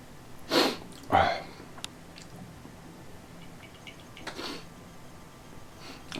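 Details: Two loud, abrupt, short sneezes in quick succession, then a softer sniff-like burst a few seconds later; the person describes them as painful, daily allergy sneezes.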